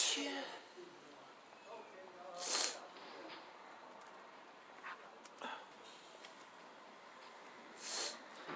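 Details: Sneezing fit, the first in a long time: three short, sharp sneezes a few seconds apart against faint room noise.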